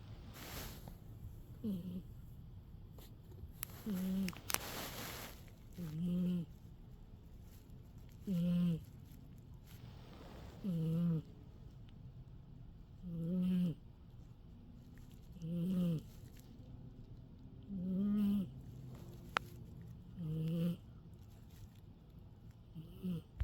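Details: Awake cat with stertor: a low, rattling snore-like noise repeats with each breath, at about 25 breaths a minute, while the cat is awake.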